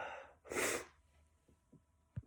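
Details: Male: a quick intake of breath, then one sharp, forceful sneeze and a few soft breaths after it.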